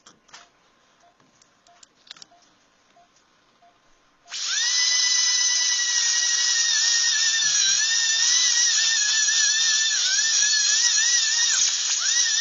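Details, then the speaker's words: Canine tooth surgical extraction for root abscess/infection seen on x-ray, tooth purple-discoloured: after gingival flap opened, quiet clinking then loud sustained wavering high-pitched whine of high-speed dental drill cutting bone to expose the root. "Okay, now that we have our gingival flap opened to where we can see the underlying bone, that's what we're going to use the high-speed drill. We're going to drill out the bone to find the root of the tooth."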